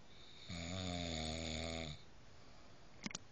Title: Now this is Snoring lol